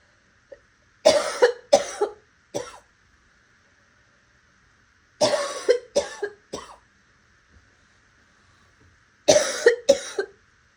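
Three bouts of two to three harsh, raspy coughs each, some sounding wet with a slight barking edge; quiet room with faint background hum.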